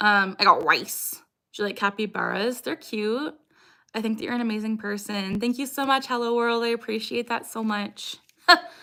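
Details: Young woman with Tourette syndrome whose recurring vocal tic "I got rice," picked up from an ex-boyfriend, has persisted for years: vocal tic (Tourette syndrome).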